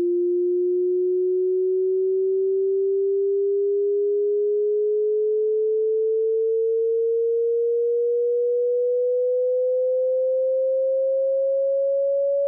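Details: Online hearing frequency sweep for matching tinnitus pitch: a pure tone rising from a low rumble at 20 Hz up to 20,000 Hz. Keep headphone volume moderate, because the extreme frequencies are hard to hear.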